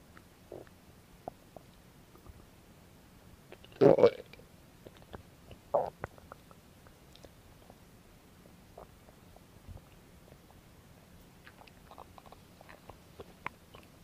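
Quiet background with a few brief gurgles and one louder rumbling gurgle: ordinary stomach growling from bowel activity.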